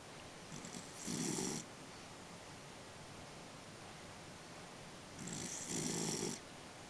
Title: Smokey snoring 2